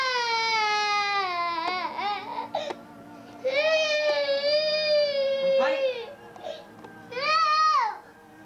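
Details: Young boy crying in long, wailing bursts with brief catches of breath between them; he is heard being asked why he is crying.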